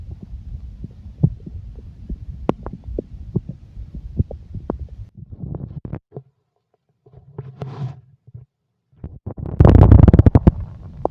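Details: Stomach growling (borborygmi): low rumbling and gurgling with irregular soft pops, a brief pause, then a louder burst of gurgles; normal bowel sounds.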